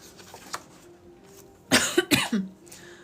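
An adult gives a short run of three to four harsh coughs after quiet room noise.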